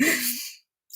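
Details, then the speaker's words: Sleeping cat makes a single rough, hissing breath with a low buzzing flutter that fades out before the next breath begins: cat snoring. "oh i'm sorry jeff that's the cat's snoring that's what that noise is my cat is snoring up a storm"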